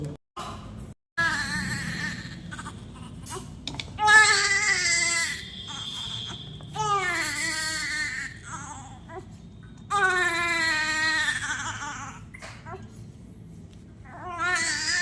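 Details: Newborn admitted to the NICU with a breathing problem gives long, strong wailing cries with brief breaths between; faint room noise behind.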